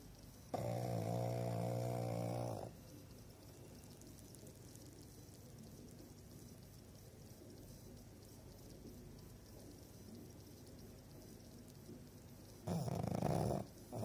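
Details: Sleeping female pug: two loud, rattling snoring breaths with a long quiet gap between; snoring in a flat-faced dog.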